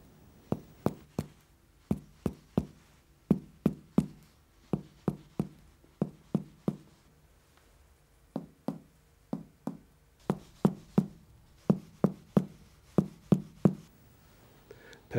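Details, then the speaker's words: Abdominal percussion over Traube's space, ninth intercostal space just in front of the anterior axillary line, during gastrointestinal examination: repeated short hollow finger taps in groups of two and three; tympanic splenic note, normal without splenic enlargement. "at the ninth intercostal space on the right known as Tropes space it is just in front of the anterior axillary line it is normally tympanic unless the spleen is enlarged"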